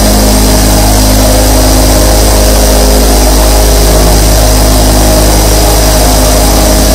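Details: Loud, steady motor hum with a buzzing drone and airy hiss from 24 nebulizer compressors running together, recorded as a sleep-sound track.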